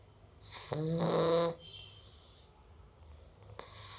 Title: Cute Labrador retriever puppy snoring.